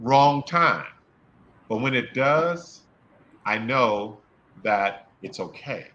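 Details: Adult male speaker; stuttering.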